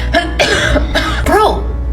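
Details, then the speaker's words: A child in an acted, simulated skit gives about four short, harsh, voiced, somewhat barking coughs over background music. "that cough is terrible. Why do I sound like that?"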